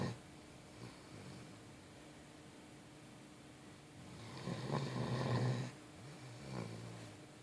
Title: My dog snoring...lol